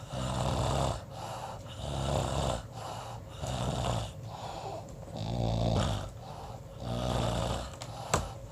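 Loud rattling snores on each breath in, about 36 a minute, with quieter breaths out between them; ordinary snoring.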